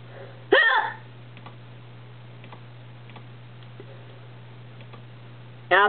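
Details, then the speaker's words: Two abrupt voiced hiccups about five seconds apart over a steady low hum, in a person with persistent hiccups that won't go away and resist all remedies. "my dad used to yell at me as a kid because he thought they were F fake deading anal I am this time they won't go away nothing ever works on me"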